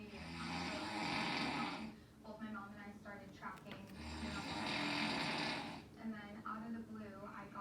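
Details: Loud, rough snoring on each breath, about 16 breaths a minute, with rattling, fluttering noise alternating with quieter breathing.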